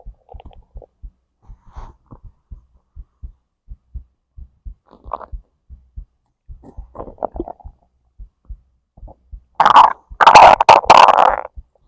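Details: Digestive bowel sounds (borborygmi) recorded alongside heartbeat, stomach to intestines: soft steady low thumps with scattered gurgles, then a loud burst of rumbling; normal digestion.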